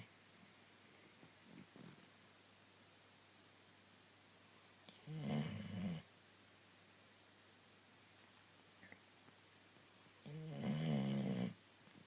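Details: Dog snoring: two loud, rough, low snores about five seconds apart, separated by quiet breathing in a small room.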